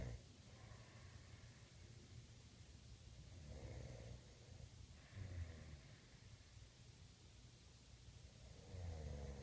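Low rumbling, irregular snoring sounds over steady room noise.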